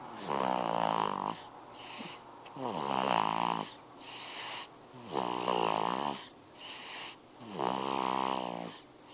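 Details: Snoring in a sleeping baby boy about four weeks old (born March 5, recorded April 1). Loud, tonal, buzzing snores, one on each breath, about 26 breaths a minute, with quieter breaths between; infant snoring.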